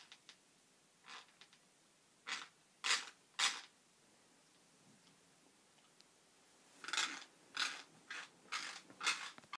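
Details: Teeth grinding (bruxism): short irregular gritty scraping bursts of teeth grinding against each other in a quiet room.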